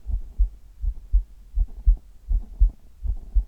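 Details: Adult's heart heard over the chest in an ASMR recording: steady lub-dub heartbeat at about 80 beats a minute; normal heart sounds.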